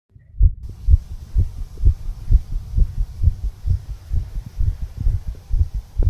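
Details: Heartbeat of a 34-year-old male recorded at the tricuspid valve area, heartbeat visible: steady, regular low thumping normal heart sounds with a soft hum behind them.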